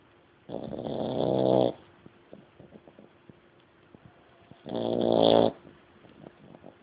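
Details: Dog snoring: two rasping, buzzy inspiratory snores with soft snuffles between; ordinary dog snoring.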